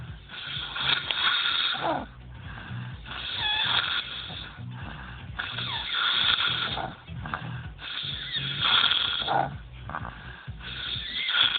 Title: snoring.